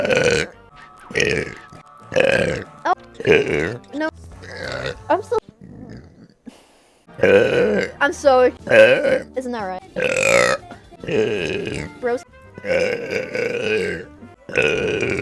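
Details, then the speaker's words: Vtuber burp compilation: several loud voiced belches, some drawn out, mixed with brief vocal sounds; repeated burping. "I'm just going to burp did you play the"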